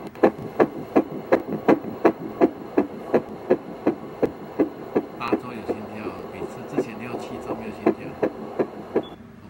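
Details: Regular, rapid pulses about 165 a minute on Doppler ultrasound with faint voices: fetal heartbeat present in an IVF pregnancy after hepatitis C cryoglobulinemia-related infertility, mother on heparin, aspirin, steroids and quinine.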